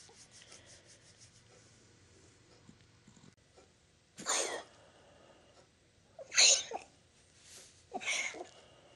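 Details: A small rescue dog, not yet examined by his own vet, coughs as he wakes from a nap: three short, sharp, hissy bursts in a quiet room.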